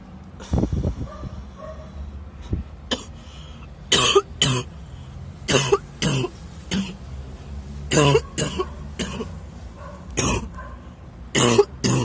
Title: coughing fit by dust allergy while i'm smoking